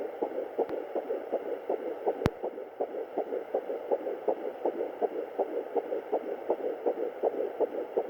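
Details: Fetal Doppler at 10 weeks 6 days of pregnancy: rapid, regular whooshing beats at about 160 a minute; fetal heartbeat.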